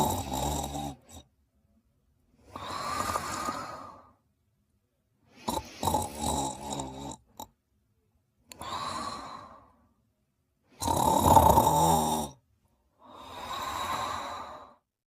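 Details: Sleeping and snoring in her bed: regular noisy breaths with rough, fluttering snores on several breaths, about 20 breaths a minute.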